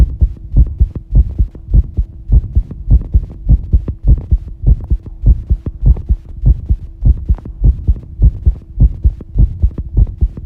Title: 心臓がバクバクしだした心音をとってみた fast heartbeat